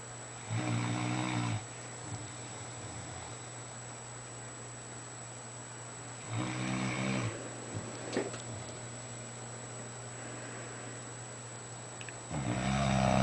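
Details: Fila Brasileiro mastiff snoring asleep in bed: deep, low, buzzing snores about every six seconds over steady room hum.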